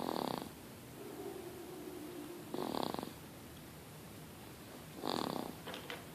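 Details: Sleeping baby snoring lightly: soft, rattly, noisy breaths about 24 a minute.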